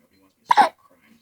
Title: My little boy hiccups